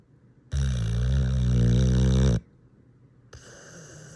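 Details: Loud, deep, rattling snore lasting about two seconds, then a pause before the next breath; heavy snoring.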